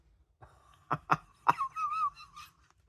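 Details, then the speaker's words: Adult who suspects own asthma and has lost voice laughs on demand: a few short laugh bursts, then a thin, wavering whistle-like squeak as breath runs out; wheeze on laughing. "I think I've got asthma because when I laugh I've got like a wheezing in my voice"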